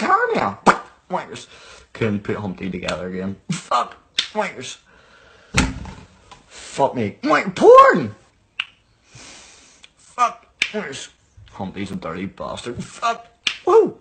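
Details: Adult male speaker; Vocal tics with coprolalia (Tourette syndrome).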